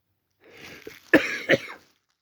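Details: Person with a head cold and stuffiness, recorded on a Samsung Galaxy A40 phone; breathy exhalation, then two harsh, congested bursts of chesty cough.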